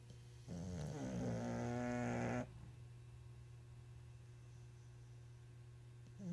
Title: Snoring bulldog we were babysitting lol